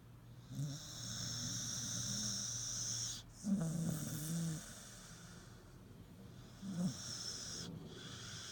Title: Martina the snoring staffie